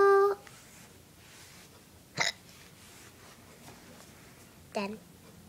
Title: Singing even with hiccups!